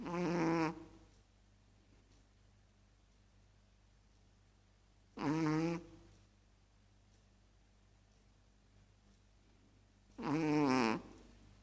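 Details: Chihuahua snoring while asleep: three loud snores about five seconds apart, roughly 12 per minute, with quiet breathing between.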